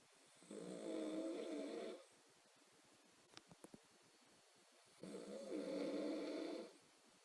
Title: Mee snoring